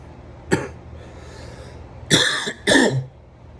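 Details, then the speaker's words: Three short, harsh coughs from an adult who says they have asthma, a brief one and then a closer pair. "ignore the cough okay I have asthma that explains why I cough"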